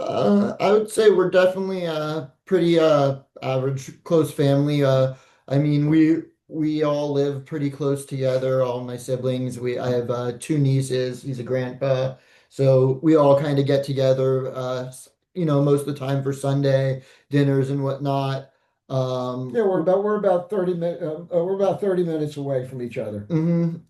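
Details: Adult man speaking; normal adult speech.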